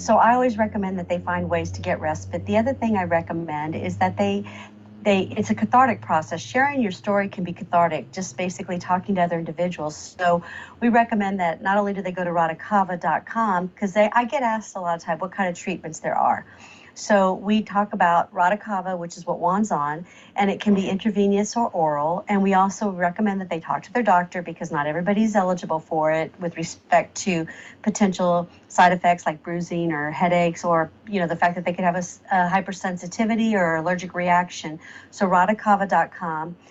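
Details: Adult woman speaking; typical speech.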